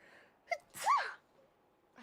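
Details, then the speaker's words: Person with suspected fall allergies, sneezing often lately: short inward catch of breath, then one sharp explosive sneeze in a quiet room. "I've been sneezing so much today, and just lately. I have fall allergies, I guess."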